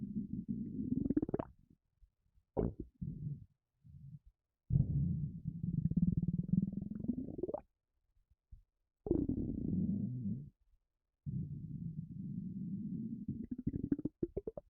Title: Empty stomach rumbling